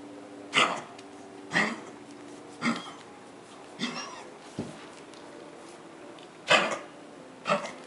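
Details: Dog on day 3 of an illness with coughing and vomiting of clear material, taken to the vet the following day: about six harsh, hacking coughs roughly a second apart, coughing with retching.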